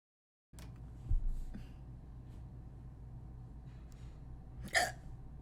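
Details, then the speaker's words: Streamer with hiccups they fear won't go away: two brief, sudden catching sounds a few seconds apart over quiet room noise. "Here, Hiccups. You lead the way. Oh no. I think these are the hiccups that don't go away."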